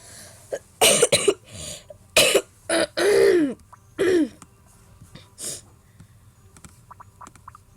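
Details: A sick child with a cold, sniffling: a fit of about eight loud, harsh coughs in quick succession, then quieter breathing; cough.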